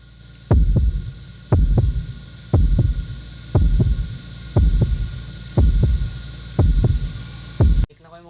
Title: Heart Sound #shortsviral #shortvideo #leznie #forcontentonly